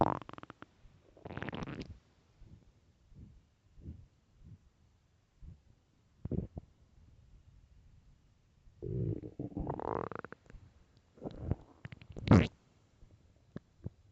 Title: hungry stomach growl and gurgles